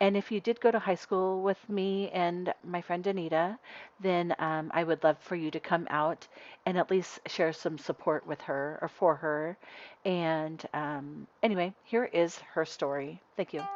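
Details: Adult woman; Normal speech.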